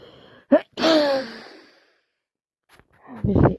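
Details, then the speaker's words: Person in bed with a cold, aching, dripping itchy nose: a sharp inward catch followed by a loud voiced sneeze, then another breathy burst; repeated sneezing with a cold. "I'm sneezing and sneezing. All over my chest once again."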